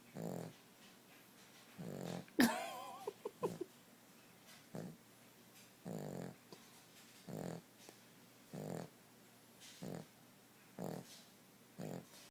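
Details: Cavalier dog snoring softly in sleep, about 50 breaths a minute, with a brief squeaky noise early on.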